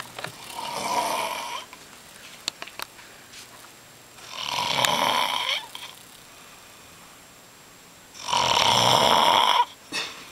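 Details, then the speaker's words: Three loud, harsh, rattling breaths about 4 seconds apart, roughly 15 a minute, with quiet pauses, from a roommate napping; loud snoring. "my roommate lucky PRACK snores more than any human being alive and to prove it I'm going to make a video of him right now cuz he's napping this is insane"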